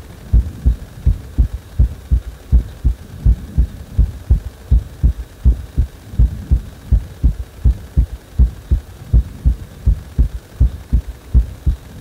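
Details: Heartbeat that speeds up on its own after compression: steady low thumping at about 80 beats per minute over a faint hum.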